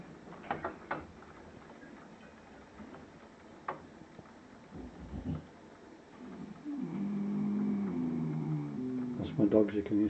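A few clicks and knocks in a quiet room, then a long, loud, low rumbling breath sound from a sleeping dog: snoring.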